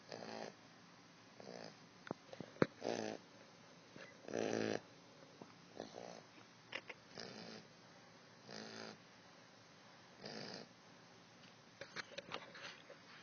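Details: Small pit bull puppy asleep, snoring loudly: rough snores repeating about every one and a half seconds.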